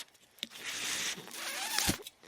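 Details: Speaker's own mechanical ventilator heard while they talk on a podcast; the sound of the ventilator running.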